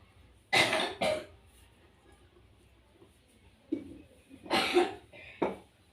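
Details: Two pairs of harsh cough bursts separated by a quiet pause, an adult coughing during a traditional massage for cough and low back pain, with faint room noise.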